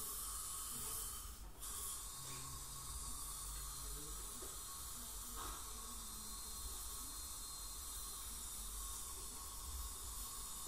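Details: Dental hygienist scaling a patient with heavy plaque and tartar buildup, possibly gingival inflammation or full-mouth debridement: steady hiss of water spray and suction with a faint high whine from the scaler during professional teeth cleaning.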